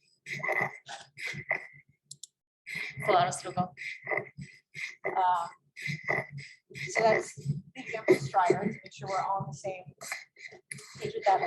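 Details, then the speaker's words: Stridor recording played in a pediatric emergency medicine teaching conference: a patient having a lot of trouble breathing, with classic audible stridor that can be subtle. "he's obviously having a lot of trouble breathing do you guys hear that that's classic for strider"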